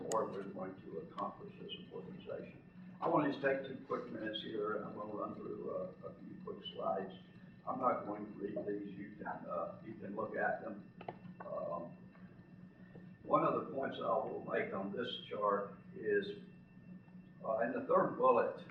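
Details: Spasmodic dysphonia in a man who lives with the voice condition himself.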